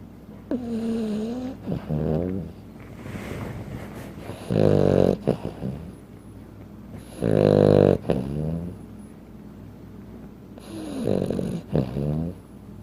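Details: Sleeping 15-pound Frenchton dog snoring: loud, rumbling snores with a whistling edge over three to four breath cycles, heavy snoring like an adult human, loud for a small dog.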